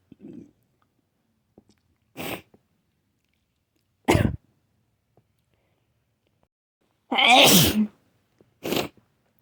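Several sharp explosive bursts, some with a wet, noisy quality, separated by quiet; repeated sneezing.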